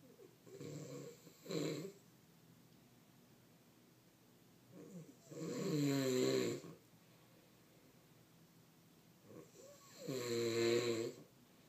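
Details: Three loud, rough, vibrating snores on breathing in, each one to two seconds, with quiet pauses, about 13 a minute; ordinary snoring.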